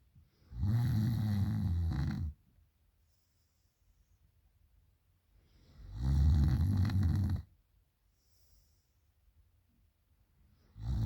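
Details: Girl snoring loudly at night: loud, low, rattling snores about two seconds long, roughly every five seconds, with quiet pauses between them; heavy snoring during sleep.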